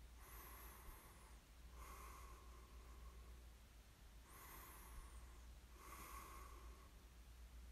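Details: Light snoring in ASMR sleep recording: soft nasal snorting breaths with a faint whistle, about four heard, over steady low room hum.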